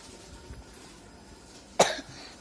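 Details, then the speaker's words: Child with a hard cough, recorded around 5 pm in the rainy season: one short, sharp cough against quiet room noise. "Aku lagi batuk keras banget."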